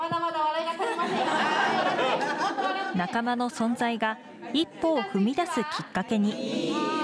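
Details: Adult news narrator; Normal speech.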